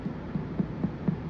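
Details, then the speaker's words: Abdominal percussion over a free Traube's space: five quick, evenly spaced taps give a hollow, resonant tympanic note, normal tympany rather than the duller sound of splenomegaly. "Então, percebam o espaço de Traube livre, né? Então, o som timpânico. Ó. Percebam bem livre. Isso é timpanismo."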